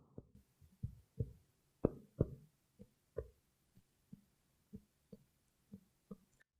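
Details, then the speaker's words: About fourteen finger taps of percussion down the back of a patient's chest over the lung; hollow resonant notes change to short, flat dull ones where the lung ends. "so I need to make some determinations about his lungs so what I can do is I can tap down the lung"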